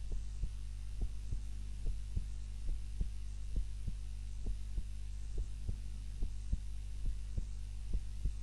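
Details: Heart sounds recorded on a timer during a nap, lying on the back rather than the usual face-down position; steady soft thumping heartbeat at roughly 70 a minute under a constant low hum, normal resting heart sounds.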